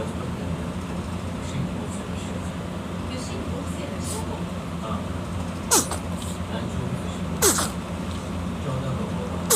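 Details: Baby sneezing: two brief, sharp infant sneezes against a steady low rumble of vehicle-like background noise, an ordinary baby sneeze.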